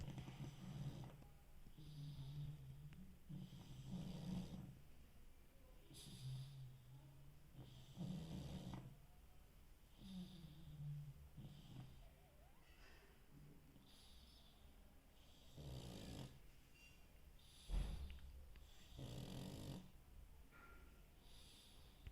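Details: Pug snoring while asleep: soft, rumbling low snores on each breath in, repeating irregularly, with some snorts and a faint high whistle on some breaths.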